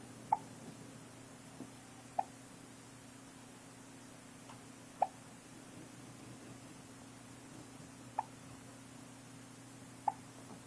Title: Hiccups at 2 weeks